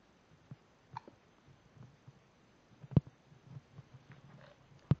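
Quiet room with soft, abrupt low jerky sounds recurring every second or two, in keeping with infant hiccups.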